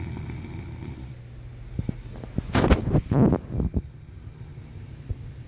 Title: Snoring the reason I'm up at night